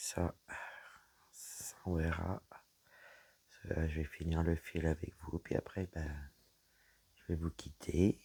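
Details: Woman whose vocal cords were damaged by a serious health problem; she reports a deeper voice than before, at times little voice, inability to speak loudly, and a frog in her throat. Dysphonia.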